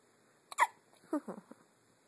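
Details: Newborn baby with hiccups: a few short, abrupt hiccups, each a sudden catch of breath with a small voiced squeak.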